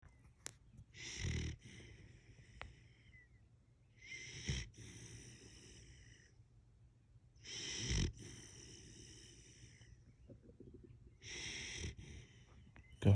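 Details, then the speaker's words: Husky puppy asleep lying like a human on a bed, with regular hissing, rattling snores about every 3.5 seconds and quiet pauses between; snoring. "I never knew dogs can snore. Please comment and let me know if you guys knew dogs can snore. He is laying down like a human being on my purple bed and is snoring."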